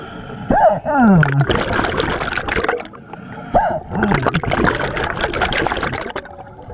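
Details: Two sudden chirping hiccups muffled underwater, each followed by a burst of exhaled bubbles, recorded while scuba diving in Belize.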